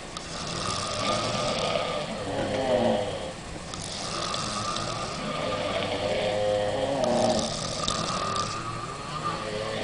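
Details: Rough, rattling breaths in slow cycles, loudest on inhalation, over a steady background hum, from a group of five girls on holiday, after a nightclub and alcohol; snoring.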